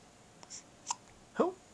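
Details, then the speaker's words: Baby boy hiccuping, bouts lasting a long time: soft catches of breath, then a short squeaky hiccup with a small voiced chirp in a quiet room. "hiccups yep baby coms that was a good one come here Amy he's hiccuping"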